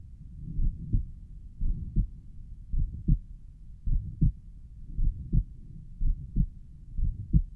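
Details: Self-recorded own heart auscultated at the pulmonic valve; the recorder suspects some sort of mid-systolic murmur.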